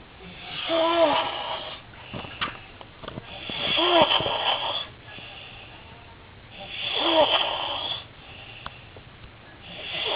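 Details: Adult man's habitual very loud snoring: loud, harsh rattling snores on each breath in, about 19 a minute, with quiet breaths out between; heavy snoring.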